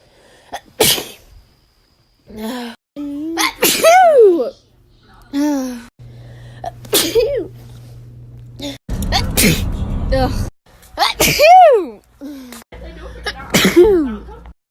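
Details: Repeated sneezing from a year-long sneeze collection: several sharp sneeze bursts, some with a rising voiced intake before the explosive release, separated by pauses and brief voiced sounds.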